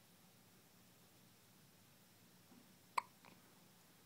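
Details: Newborn, hours after birth, gives a single sharp hiccup in a quiet room, with a faint follow-up sound: first hiccups.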